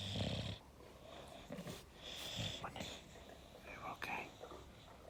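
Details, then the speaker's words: Sleeping English Bulldog: low, rough snorting breaths with soft talk nearby; typical noisy snoring. "Honey? You're snoring, darling."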